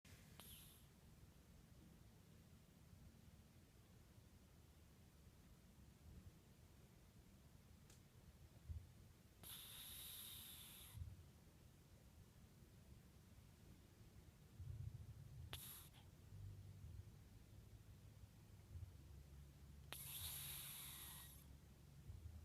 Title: Snoring cat